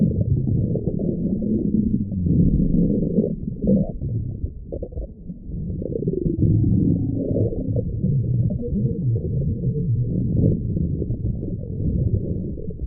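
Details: Woman's stomach growling: continuous low gurgling and rumbling with shifting pitch; stomach growling (borborygmi), ordinary bowel sounds.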